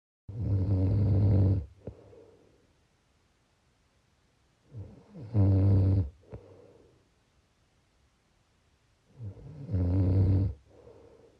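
Loud, low rattling snores on each inward breath, about 14 a minute, with quieter outward breaths between: snoring.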